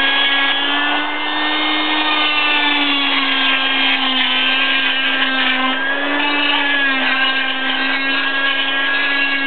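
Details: Oscillating cast saw's steady high-pitched whine cutting off a plaster arm cast 6 weeks after a right wrist fracture from snowboarding; cast then pried open.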